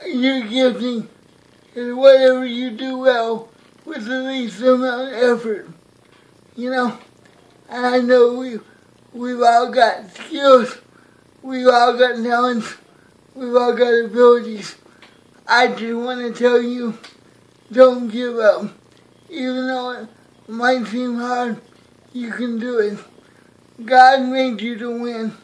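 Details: Man with cerebral palsy giving a motivational talk to camera; dysarthric speech in cerebral palsy.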